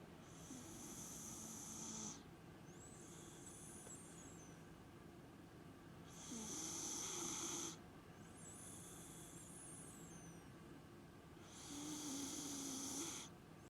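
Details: Girl sleeping after surgery, snoring: three regular hissing, rasping snoring breaths at about 11 per minute, with quieter airy breathing between them.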